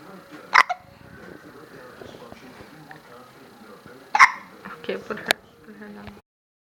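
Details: Infant with hiccups while falling asleep: two or three brief, sharp hiccup sounds with soft speech and room noise in between.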